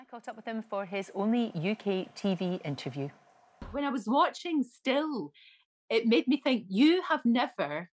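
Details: Adult woman speaking; normal speech.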